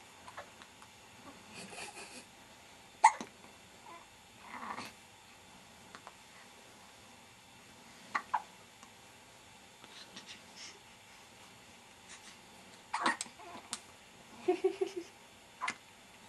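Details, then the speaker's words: Baby with frequent hiccups, which were also frequent in the womb: several short, sharp catches of breath, about four or five in 16 seconds, in a quiet room. "has the hiccups."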